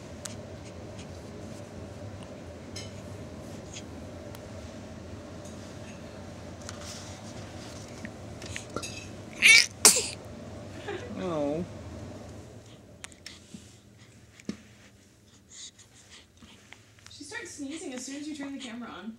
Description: Sneezing baby at one week three days old